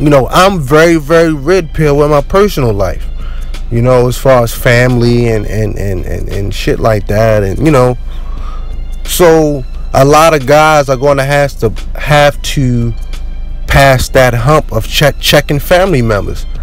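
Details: Stuttering in an adult man who had a really bad stutter since childhood, mostly outgrown after joining the military but still present; word repetitions audible.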